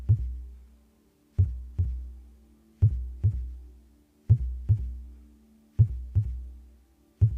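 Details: Slow, steady paired lub-dub heartbeat thumps at about 41 beats per minute over a low droning hum, with no talking.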